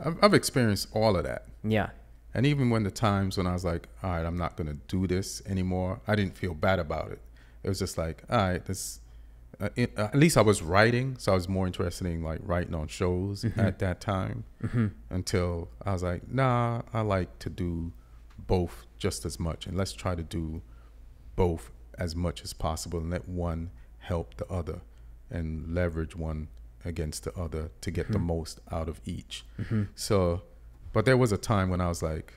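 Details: Adult man speaking; typical speech.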